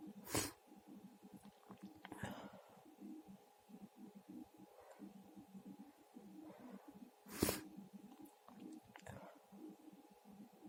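Two sharp, explosive sneezes about seven seconds apart, with quiet breathing and faint room noise between.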